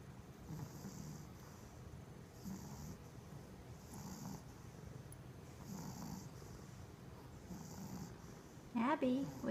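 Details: Dog snoring in sleep: soft, rhythmic snoring breaths at roughly 35 a minute, with a brief louder sound at the end.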